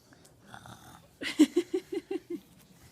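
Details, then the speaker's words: Young child (about to turn 2) fakes snoring on purpose: a quick run of six short, rhythmic snorting pulses; imitation, not true sleep snoring. "You fake sleep, you go ha-shooey, ha-shooey."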